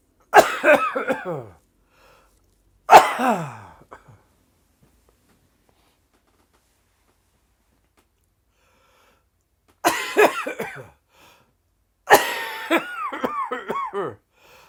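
Four harsh, explosive adult coughs with voiced, strained tails, in a cough linked to COVID-19 infection.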